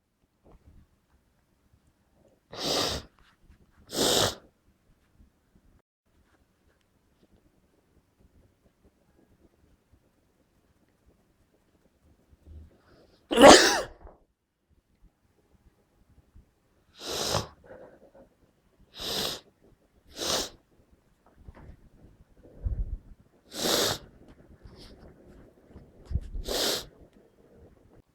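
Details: Adult with a suspected bad head cold: run of about eight intense, sharp, explosive sneezes at the end of a sneezing fit, too strong to stifle.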